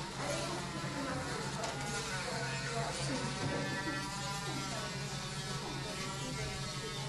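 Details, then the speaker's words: Continuous high buzzing whine of a Dremel rotary tool trimming a 21-year-old, roughly 100-pound spur-thighed tortoise under anesthesia during an annual zoo veterinary exam, with faint voices and music behind. "you can see one of our fourth year students from UC Davis is using a dremel to trim up some of of us have a spa day treatment"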